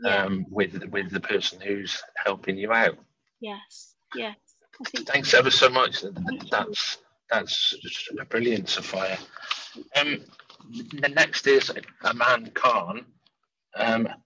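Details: Real stammering in an adult man who says he stammers and stammers openly; stammering.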